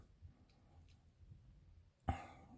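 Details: Cat with asthma (possibly COPD), treated with an inhaler spacer, reluctant to take it: a quiet room, then a single short, harsh cough burst.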